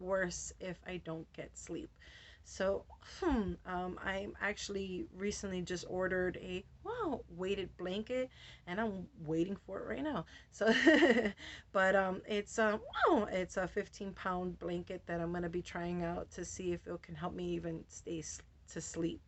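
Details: Adult woman with Tourette syndrome; vocal tics ('wow', 'whoa') and repeated words interrupt her speech, with tics very active since a medication change and also triggered by light. Finding: vocal tics (Tourette syndrome).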